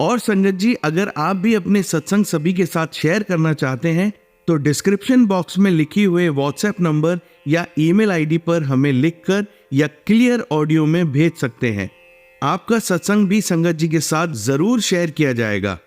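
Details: Adult speaker; Normal voice.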